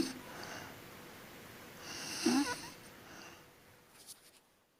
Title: Suara orang tidur Mendengkur